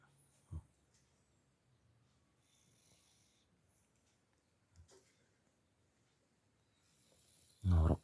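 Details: A sleeping pet cat, resting around 9 a.m. after eating, gives a few short, low snorting snores over faint room noise: cat snoring during sleep.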